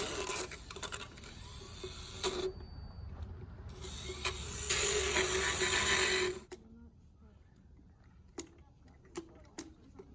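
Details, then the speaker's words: Buzzing, grinding power float rasping in bursts, then a quieter room with faint clicks; filing sharp points off an older, lightly sedated rescue horse's teeth, points that were going into her gums. "this is the float which is basically a Dremel to wear down the sharp edges of her teeth"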